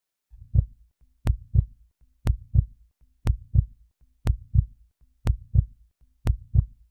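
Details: Real heart sounds heard through a stethoscope: regular paired sounds at about 60 beats a minute; normal heartbeat.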